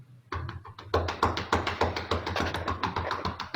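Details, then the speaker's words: Rapid rhythmic hollow claps, about 200 a minute, on the back of an adult male leaning forward: simulated nursing-student demonstration of chest percussion to loosen lung mucus before effective cough training. "Sekarang saya akan melakukan terapi dada untuk mengeluarkan lendir yang ada di dalam paru-paru Bapak. Nanti saya akan menepuk-nepuk bagian punggung Bapak dan menekan-nekannya, ya, Pak."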